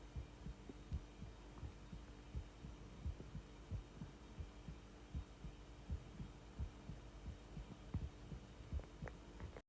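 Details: Steady low heartbeats at about 86 per minute, with gurgling bowel sounds rumbling underneath: heart sounds with intestinal borborygmi.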